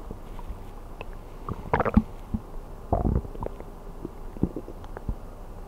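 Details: ASMR of stomach sounds while sleeping on an empty stomach: soft gurgles and low rumbling pops over steady background hiss; normal bowel sounds.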